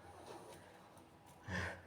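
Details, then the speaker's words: A sleeping dog gives a single rough, snorting breath against a quiet room, a harmless snore. "snoring, what a dog's happiness!!"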